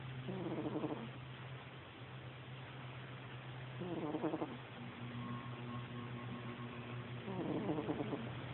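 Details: Snoring from a cat named Gabby, becoming clearly audible about halfway through.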